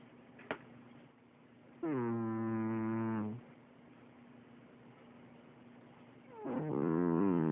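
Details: Snoring in a sleeping cat that has always snored like this: loud, buzzing, voiced, strikingly human-sounding snores separated by quiet pauses, described by the owner as a harmless quirk.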